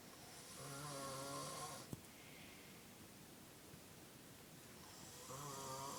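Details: Person snoring in sleep: two loud, rough, buzzing snores with a quiet pause between them; ordinary snoring.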